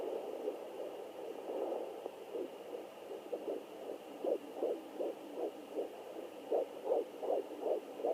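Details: Fetal Doppler recording of a baby's heartbeat: rapid, rhythmic whooshing pulses at roughly 155–160 beats per minute.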